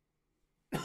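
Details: Chesty cough.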